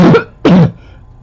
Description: This is a barking cough close up video from 2014. So I may look a little different than the first video. But same barking cough.